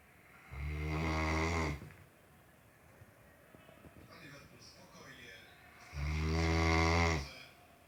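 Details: Two long, loud, rumbling snores about five seconds apart with quiet breathing between: a sleeping Great Dane snoring like a human.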